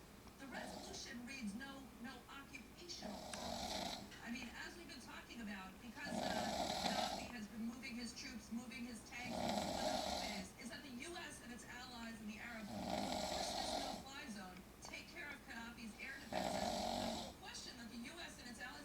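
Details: Adult woman snoring while sick with a cold and cough: loud rattling snores about every three seconds, roughly 19 a minute, over the whining of a 6-month-old beagle/rat terrier puppy.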